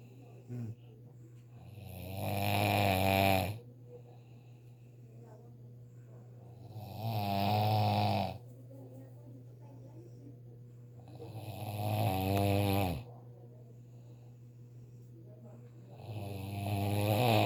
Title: How To Do A Relaxing Snore Without Opening Your Mouth